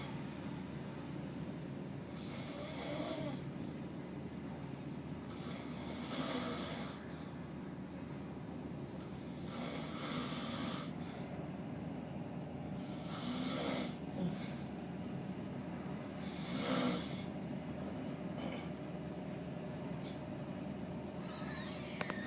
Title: Snoring co-worker